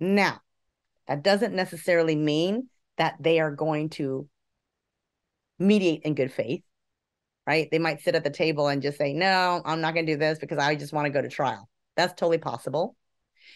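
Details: Adult speaker; Fluent speech.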